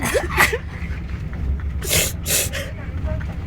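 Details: Man faking sneezes on a train in Israel: two sharp, explosive simulated sneeze bursts after a brief gasping intake, with background noise; sneezing.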